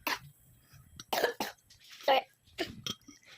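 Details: A child gives about six short, sharp coughs in a quiet room, some with a voiced edge; ordinary coughs.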